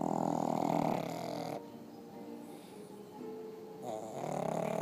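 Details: Two pugs snoring in bed: two loud, droning, buzzy snores separated by a quieter pause, typical of flat-faced dogs.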